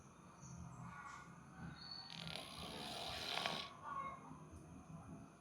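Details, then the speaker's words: Cat snoring in deep sleep after staying up all night: rough, rumbling, irregular and loud snores with some room noise. "habis ronda ya. Kacu semalam habis ronda. Begadang ya Kacu. Jadi nyampe ngorok."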